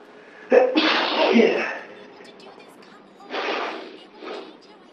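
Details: A sudden, unexplained sneeze attack: one loud sneeze followed by two smaller sneeze-like bursts, with television dialogue faintly in the background; repeated sneezing.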